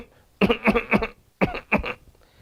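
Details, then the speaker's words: Imitated run of five short, dry, hacking coughs, in a group of three then two, demonstrating a cough accompanied by constant tickling in the larynx. "so that's a tickling in the larynx and that's constantly associated with the cup that's a constant tickling"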